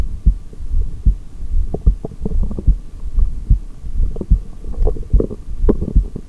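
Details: Regular low heart thumps at about 74 beats a minute, heard through a stethoscope with no breath sounds during a long breath-hold after exhaling.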